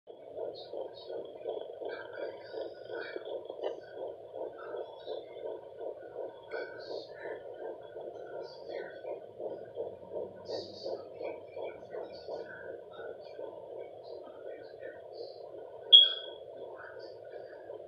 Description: Heartbeat at 12 weeks pregnant